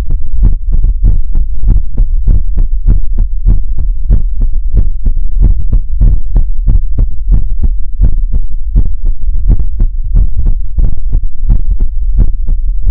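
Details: ASMR livestream heartbeat sound for relaxation: loud, steady, deep thumping beats repeating rapidly; heartbeat.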